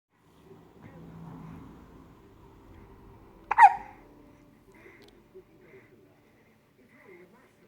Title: hiccup baby